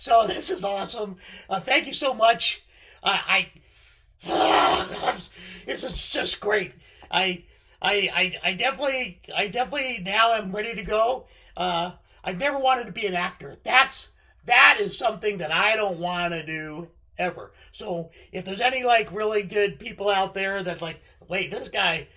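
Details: Male speaker with left-sided vocal cord paralysis following surgery, which limits his voice control; unilateral vocal fold paralysis.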